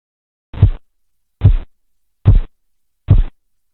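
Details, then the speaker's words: Korotkoff sounds: four dull, regular thuds at about 72/min, heard by stethoscope over the arm artery during cuff blood pressure measurement. "en la fase cuatro el ruido se va apagando en algunas situaciones con fiebre anemia o embarazo esta fase se va a presentar ausente en la fase cinco desaparece el ruido y esto nos indica la presión arterial y estática"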